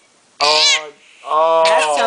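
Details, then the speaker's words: A sleepy baby girl gives one abrupt, harsh, voiced cough, followed by a short whiny vocal sound; infant cough. "horrible cough followed by a wine and a smile from mama"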